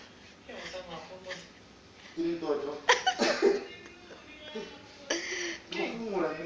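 An adult imitates several sneezes: voiced drawn-in build-ups, each ending in a sharp, noisy burst. These are acted sneezes, with faint room noise.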